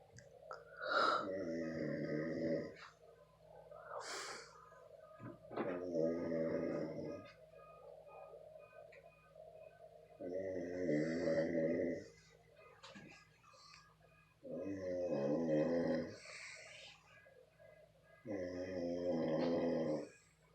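Five loud, rattling, buzzing snores at about 14 breaths a minute, with softer breathing between them; steady snoring.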